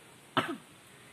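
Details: Single short, slightly muffled acted cough, demonstrating covering the mouth with a tissue when coughing, as cough and sneeze etiquette to prevent coronavirus spread.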